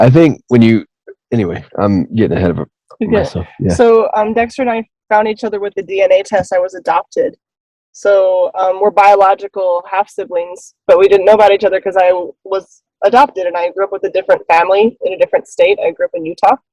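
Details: Adult woman speaking; Normal speech.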